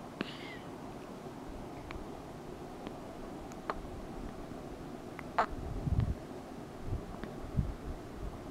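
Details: Loud hiccups: about seven brief, sharp, click-like hiccups in eight seconds over a low room hum, a regular run of hiccups.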